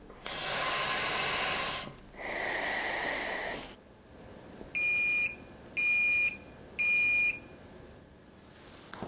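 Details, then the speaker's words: Two hissing airflow bursts, then three clear electronic beeps from an Ingalit V2-01 heated oxygen-helium inhaler signalling the end of the procedure after 30 minutes of continuous operation; the heating element must then cool for 5–7 minutes. "अंत के बारे में संकेत देता है, हीटिंग तत्व की अनुमति देना आवश्यक है 5-7 मिनट के लिए ठंडा करने के लिए"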